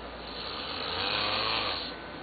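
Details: Snoring during night sleep: a single harsh, hissy breath noise that swells and fades over about two seconds.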